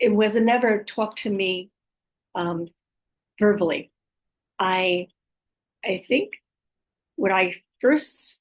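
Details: Aphasia with apraxia of speech and dysarthria following a stroke in an adult woman, who says her speech can be hard to understand at times.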